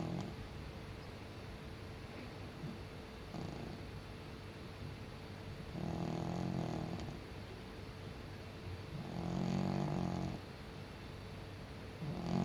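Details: Senior cat asleep: soft, low rumbling snores repeating every few seconds over steady room noise; snoring.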